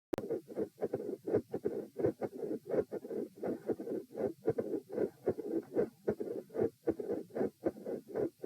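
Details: Supine patient, recorded at position E: regular heartbeat near 80 a minute, first sound intermittently split, with a mid-systolic murmur and a murmur at the second sound.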